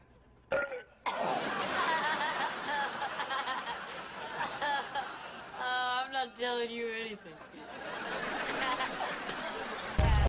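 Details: Acted burping in a TV comedy scene: a young girl lets out a long, loud, drawn-out belch after eating, over laughter and chatter; burping.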